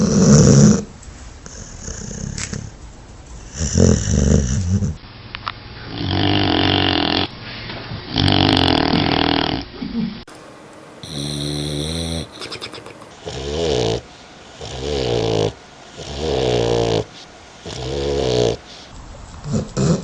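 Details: Sleeping dog snoring in repeated rough, low bursts with quieter pauses between breaths.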